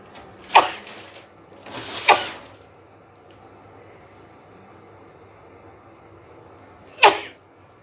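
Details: Deliberately provoked sneezing in a sneezing challenge after inhaling chilli powder: three sharp explosive sneezes over about eight seconds against faint room noise.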